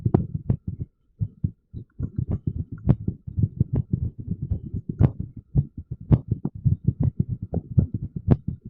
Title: irregular heartbeat sound with tens ⚡️⚡️